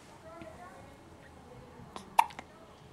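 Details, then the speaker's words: Hiccups in a 12-day-old baby boy: a single sudden sharp catch in the breath above faint room sound and quiet talk. "，今天你12天了，现在正在打嗝。"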